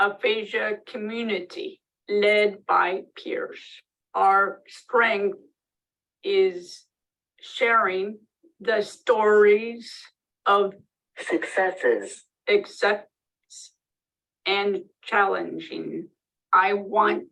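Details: Woman with aphasia after a stroke almost 3 years earlier, with constant word-finding (tip-of-the-tongue) difficulty.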